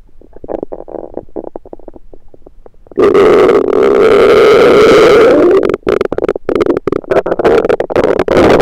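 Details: Bowel sounds of a rumbling stomach recorded with a USB stethoscope: soft gurgles, then a loud, long rumbling gurgle.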